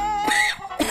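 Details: Two short, forceful acted coughs from an adult over a steady background tone, in a cough-medicine (Fluimucil) advertisement.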